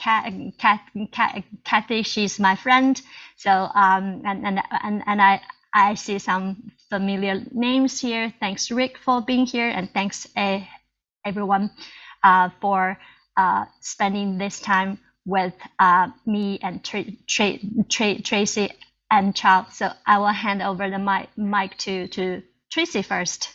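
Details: Adult Chinese woman who stutters, a self-help group co-founder, presenting in English at a stuttering conference; audible repetitions; stuttering.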